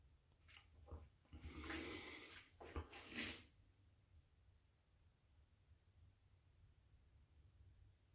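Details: Self-induced sneeze, apparently triggered by poking inside the nose with a nail.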